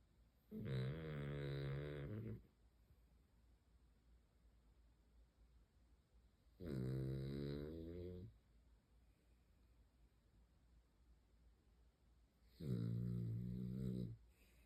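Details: Sleeping beagle dog snoring loudly: three loud, rumbling snores about six seconds apart with quiet breathing between, roughly 10 breaths a minute.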